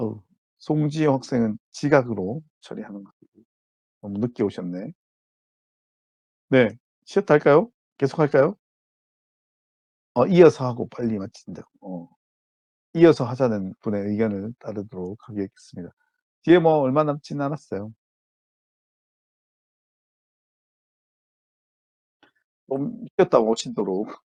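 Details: Adult male lecturer; normal speech.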